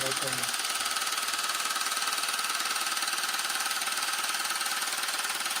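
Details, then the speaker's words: "Rocket" at-home low-intensity shockwave therapy device applied to the penis for erectile function: loud, rapid, steady mechanical pulsing at about 160 per minute, with a brief voice at the start; the recipient reports no pain. "So I have no pain on my penis right now, but I can't feel anything. All you guys can do is just hear how loud it is."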